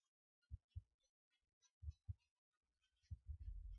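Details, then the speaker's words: Normal active bowel sounds by stethoscope over the right upper abdominal quadrant of a male patient: irregular low thumps and gurgles, active in all quadrants. "And there are active bowel sounds in all quadrants."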